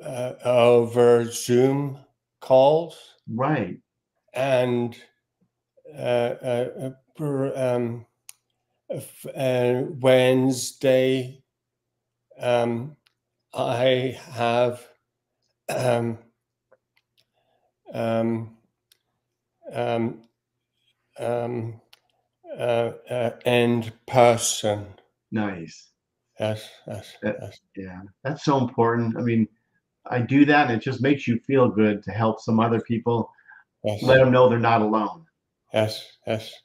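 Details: Aphasia in a male speaker.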